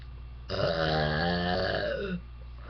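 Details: A single long, loud, throaty voluntary belch lasting under two seconds over quiet room noise; burping.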